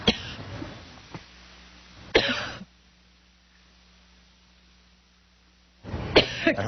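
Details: Adult news anchor's on-air coughing fit while introducing a guest: three sharp, harsh coughs with quiet gaps; coughing fit.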